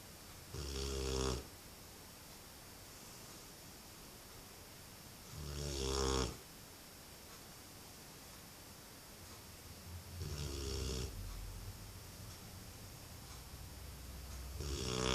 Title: Snoring dog